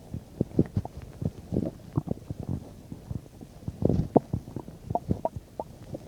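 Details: Frequent low gurgles, pops and rumbles of active bowel sounds, about 10–15 minutes after eating a bean and cheese burrito; ordinary digestion.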